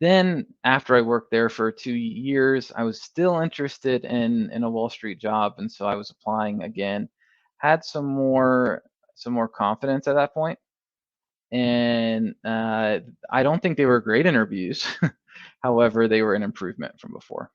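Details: Adult male who has stuttered for as long as he can remember, speaking in a podcast conversation: stuttering.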